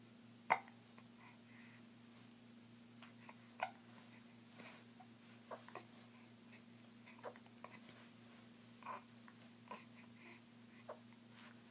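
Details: Two sharp, abrupt catches, then fainter repeated clicks over low room hum; hiccups.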